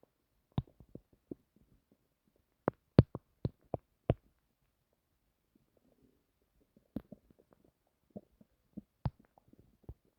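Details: Stomach recorded while trying to sleep: quiet room with irregular bursts of low gurgles, pops and clicks separated by pauses. Bowel sounds (borborygmi).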